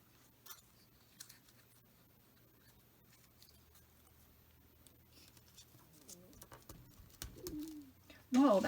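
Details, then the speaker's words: Adult's audible stomach growling from hunger (borborygmi). "my stomach did you guys hear that i'm hungry"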